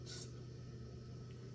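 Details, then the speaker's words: High-frequency chest wall oscillation airway clearance vest running, timer 20 minutes: steady low mechanical hum with brief initial hiss. "so i'll go ahead and start that so set the um timer to 20 anywhere between turns usually 20 to 30 minutes"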